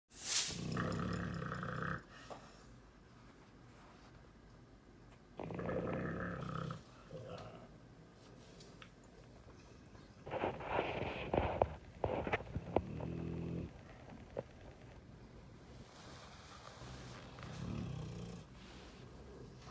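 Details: Pitbull snoring loudly while sleeping soundly through fireworks: loud, rough rattling breaths with firework bangs in the background.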